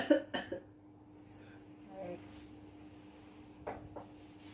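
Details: Staged pre-operative teaching of effective cough technique for a 30-year-old woman, the nurse demonstrating first: two deliberate forceful coughs, then quieter breaths and coughs.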